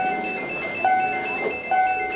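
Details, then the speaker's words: Repeating electronic alarm tones over room noise in a crowded Toronto hospital: a code blue for a man in his 40s with suspected COVID-19 whose heart stopped. "alarm ringing through the halls is code blue a man in his 40s just arrived with a suspected case of covid19 and his heart stopped"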